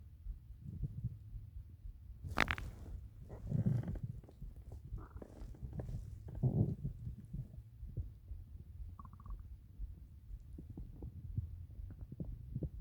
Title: 8 minutes of stomach growls